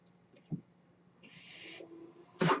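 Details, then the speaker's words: Steady low hum with a brief hiss of airflow and a soft whine, then a louder mechanical puff: a home mechanical ventilator breath cycle heard behind an adult male speaker. "That noise you hear is my ventilator."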